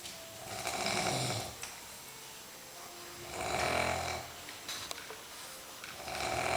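Slow, regular rattling breaths about every three seconds, roughly 20 a minute, with quiet pauses between; snoring.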